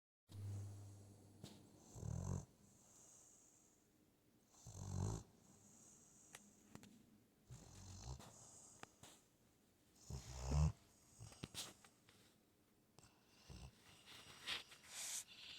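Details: Rescued foster Pitbull sleeping: deep, rumbling snores recurring every few seconds with moist snuffling from a wet snout between them.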